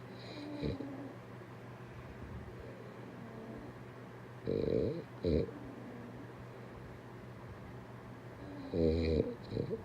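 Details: Short, rough, snorting snores recurring every few seconds over steady room noise; ordinary snoring.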